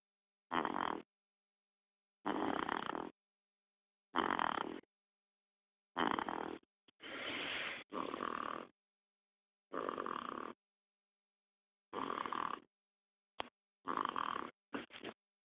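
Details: Irregular snoring: rough, rattling bursts with silent gaps between them, some split into quick double bursts, about 33 a minute.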